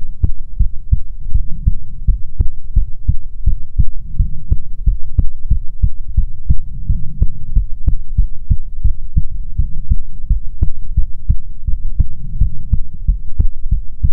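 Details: ASMR heartbeat recording: steady, deep, muffled heartbeats, about 80–90 a minute, low hum underneath, regular; normal heartbeat.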